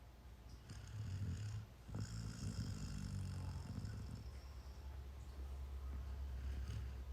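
Soft, low, rumbling snore from a sleeping puppy, rising and falling over several breaths against steady background hum.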